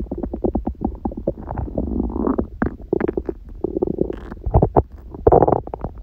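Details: Adult on a raw-food diet, one meal a day with only a smoothie in the morning, recorded lying down: continuous loud gurgling and rumbling from an empty stomach with rising, squeaky growls; normal hunger bowel sounds (borborygmi).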